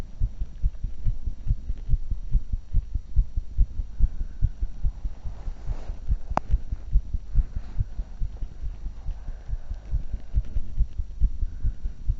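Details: Heart sounds recorded for 2 minutes right after 20 minutes walking, 35 minutes jogging and 5 minutes running: rapid, regular low heartbeats at about 140 a minute; sinus tachycardia after exercise.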